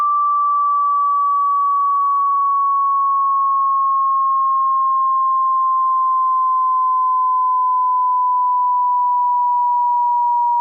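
A steady pure tone slowly gliding downward in pitch, a simulated hearing-test sweep from higher to lower tones.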